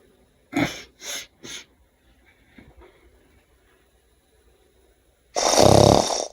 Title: THE SNORE #whenyouloveawoman #marriage #funny